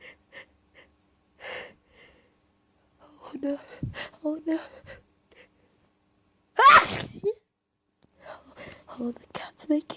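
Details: Staged hiding scenario with mostly natural, minimally induced sneezing: soft held-back sneezes and quiet catching breaths, then one loud full sneeze and further muffled sneezes; sneezing fit from an allergy attack.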